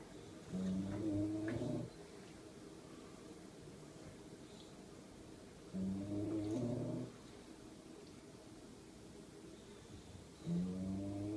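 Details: Sleeping bulldog snoring: loud, rattling, throaty snores at regular intervals about every 5 seconds, with quiet breathing between.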